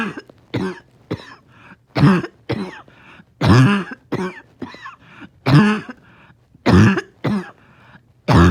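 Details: Dog struggling to rest, with morning coughing: about eleven harsh, honking coughs in bursts over eight seconds, some with a squeaky whistling edge, a barking cough with wheeze.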